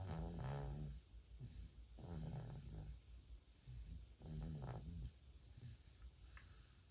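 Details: 4-month-old baby snoring while asleep: low, rumbling snores in repeated breath cycles with a steady low hum in the background; infant snoring.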